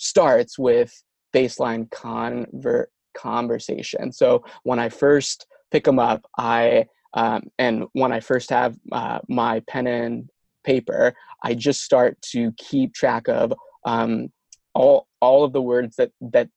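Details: Adult man who has stuttered since early childhood, attended an intensive fluency shaping program at 17, now a speech-language pathologist; repetitions audible; stuttering.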